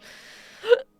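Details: Single abrupt, voiced gulping catch after quiet room sound: a painful hiccup (singultus) during a hiccup bout lasting about 1.5 hours, while trying remedies such as carotid massage.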